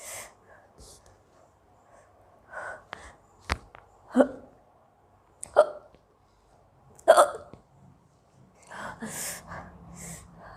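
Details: Indian girl who has had hiccups for a long time, with some sneezes and a little cough: several short, abrupt hiccups a few seconds apart with quiet breathing and faint voice between.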